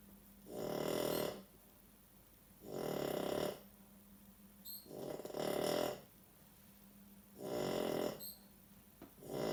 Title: Dog snoring